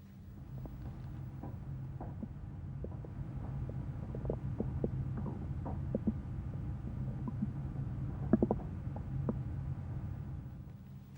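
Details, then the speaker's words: Normal bowel sounds through a stethoscope in the right lower abdomen (right iliac fossa): soft, irregular gurgles and clicks over a low rumble. "now I'd like to listen for bowel sounds"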